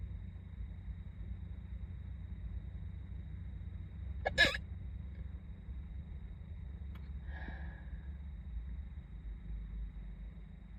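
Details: Student hiccuping in a car before school while doing makeup: a single sharp, abrupt gulping sound over low car rumble, then a fainter catch a few seconds later; hiccups.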